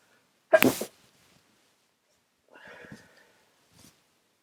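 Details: Person with a very runny nose who can't stop sneezing: a single sharp, explosive sneeze followed by faint sniffing and a soft mumble in a quiet room.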